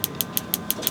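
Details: Radial shockwave therapy on an adult male's forearm for an elbow extensor mass strain from gym overuse, in a longer-than-usual session. Rapid, evenly spaced sharp clicks, about six per second, sound over a low mechanical hum from the firing device.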